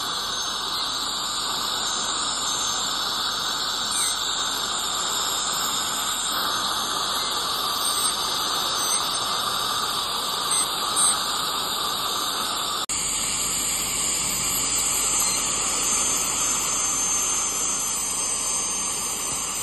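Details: Dental scaling and air-polishing (Airflow) instruments during a tooth cleaning: a steady high-pitched hiss and squeal running continuously.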